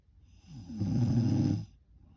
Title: More snoring. #night #snoring